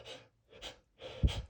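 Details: Person with flower allergy acting cartoonish sneezes after sniffing lilies: sharp catching inhalations building up, the acted gasps before a sneeze.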